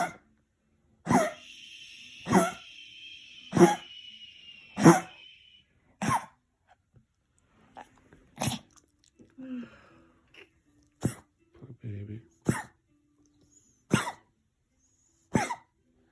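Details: A small dog with kennel cough, whose nightly attacks keep her from sleeping: about ten sharp, dry, hacking coughs in a repeated series.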